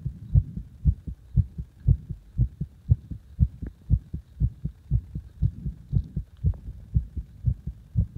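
Strong, regular low thumping heartbeat at about 118 beats a minute, each beat loud and forceful.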